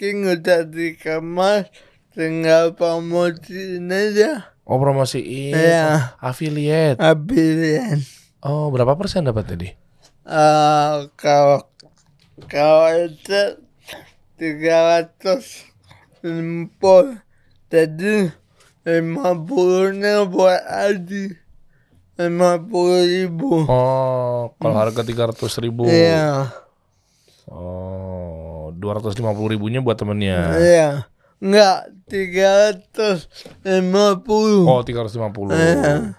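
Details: Adult man born in 1987 with cerebral palsy from birth, attributed to a birth injury during a breech delivery and described as severe; he could not walk until age 9; real speech; dysarthria (cerebral palsy).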